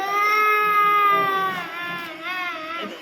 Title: cute baby crying ll